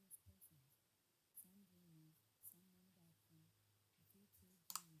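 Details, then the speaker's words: Barely audible, muffled speech murmur with no clear words: a spoken passage played through the right side of a simulated severe-to-profound right-sided hearing loss, with mild-to-moderate loss on the left. "So for most of you watching that, you would assume that there was absolutely no sound at all. From my side, I can hear a very quiet murmur. So there is some simulation going on there, but it's very difficult to pick up."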